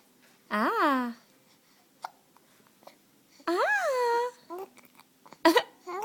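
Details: Baby boy with hiccups, babbling with rising-falling vocal sounds, smiling and laughing; a brief sharp hiccup catch near the end; infant hiccups.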